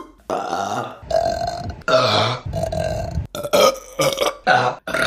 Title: Burping Compilation May #3 | RBC